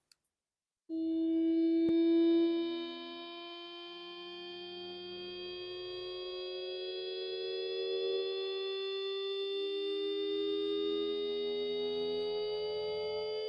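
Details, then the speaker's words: Simulated tinnitus: a steady, loud, constant buzzing tone without pause, described as the most common complaint, linked to noise exposure without hearing protection. "este ruido es tremendo porque es el motivo por el cual la gente aquí se me desquicia es un ruido fuerte constante latoso muy grave agudo"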